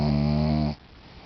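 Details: French bulldog asleep flopped over in an odd position, snoring: a short, loud, low rumbling snore.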